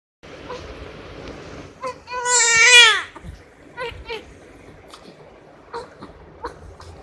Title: Crying New born baby sound effect